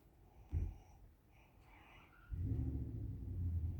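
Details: Low rumbling breath sound on a drawn-in breath, with a faint snort earlier; snoring during sleep.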